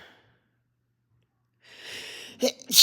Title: Sneezing with mild congestion and sinus infection